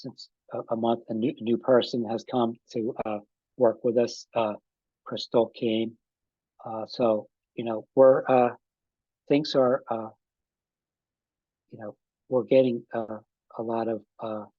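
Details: Post-stroke aphasia in an adult man, about five and a half years after an ischemic stroke that occurred together with a heart attack; ongoing difficulty with names and word tenses.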